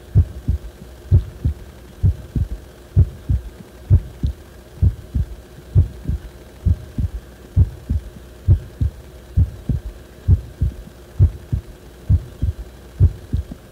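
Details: Low thudding heartbeats about 65 per minute with extra soft beats and uneven spacing over steady hum, recorded when the heart felt wrong; abnormal heart sounds.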